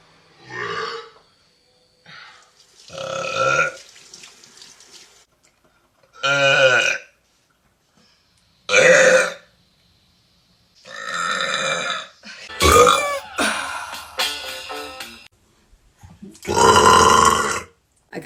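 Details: Loud voiced belches, about seven over eighteen seconds with quiet pauses between; repeated burping, described as a spontaneous burping talent.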